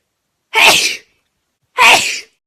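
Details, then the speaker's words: Girl with allergies sneezing: two sharp, forceful sneezes about a second apart, each a brief burst of air with a voiced onset. "stop asking why I'm blowing my nose all the time why do you sneeze so much why are you allergic to everything"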